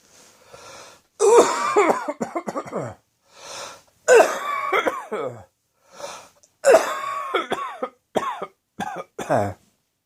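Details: Adult choking coughing fit after spicy Indian takeaway curry, eaten after an evening of beer, caught the back of the throat: three harsh, strained coughing bouts, each after a quick breath in.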